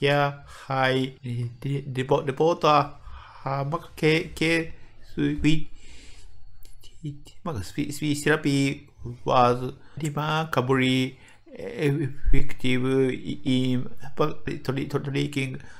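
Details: Adult medical doctor from Japan with developmental (childhood-onset fluency disorder) stuttering, speaking English; word repetitions audible; stuttering.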